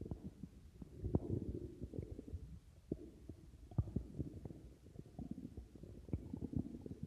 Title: Numberfanagram 24 stomach growling part 4